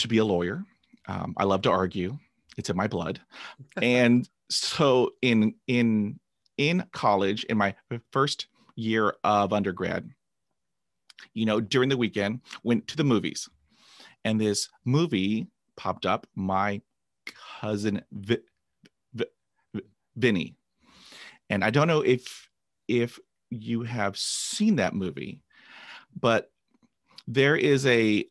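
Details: Adult man who began stuttering at age 5 after a traumatic dog attack, about 45 years of stuttering and 20 years of speech therapy; word repetitions audible. Finding: stuttering.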